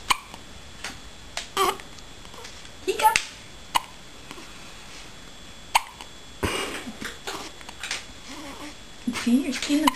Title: hiccups